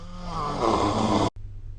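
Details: Single loud, rattling snore that stops abruptly, recorded during sleep with the SnoreLab smartphone app.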